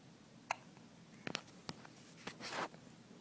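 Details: Young child with hiccups: a few short, sharp catching sounds in a quiet room, with a soft breath near the end.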